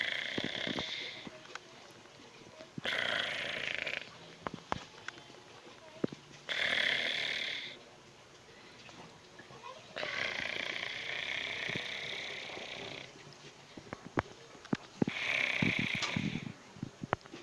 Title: Cat(snoring funny neko)